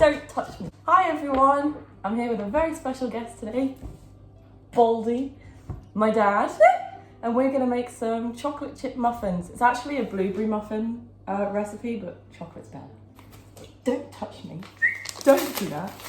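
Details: Young woman with Tourette syndrome producing real, involuntary vocal tics; vocal tics (Tourette syndrome).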